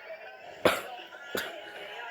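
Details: Person coughing a lot.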